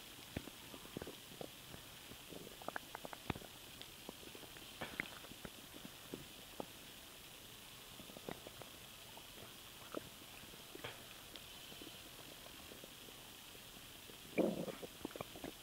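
Scattered gurgles and bubbling pops over quiet background noise, a louder gurgle near the end; bowel sounds from swallowed air, a normal finding.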